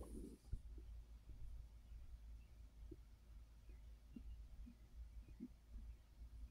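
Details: Adult resting on a full stomach after overeating: soft gurgles and brief bubbling pops come and go over a low steady rumble; ordinary bowel sounds of digestion.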